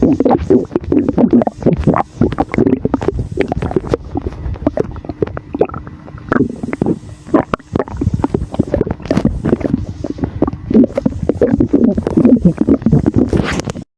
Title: Rumbling sound of air in the stomach after drinking Sour